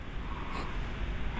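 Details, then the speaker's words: 44-year-old man with sleep apnea and chronic fatigue, sleeping prone: deep, rough, low rumbling heavy snoring without breathing pauses in this position; severe snoring. "예 이분은 이제 심한 코고리 첫 번째 문제고 두 번째는 잠을 자다가 숨이 멈췄다가 쉬는 수면 무호흡증이 증상으로 심 코고리를 동영상으로 한번 보겠습니다"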